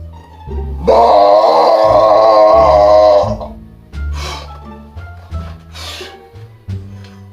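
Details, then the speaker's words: Person deliberately trying to belch as loud as possible: one long, loud, voiced belch lasting a couple of seconds, then a few shorter grunting sounds, over background music; burping. "guess what i'm going to try to see if i can belch as loud as i can yes i'm going to try the belch as loud as i can"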